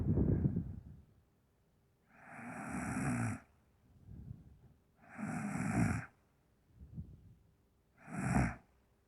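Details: Woman snoring very hard: loud, rough, rattling snores recurring about every three seconds with quieter breaths between; heavy snoring.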